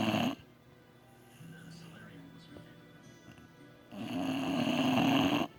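Loud, rough, rattling breath sounds at the start and end, with a quieter stretch between them: heavy snoring in a sleeping dog.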